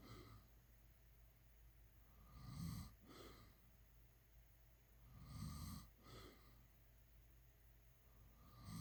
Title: SNORING #snoring #shorts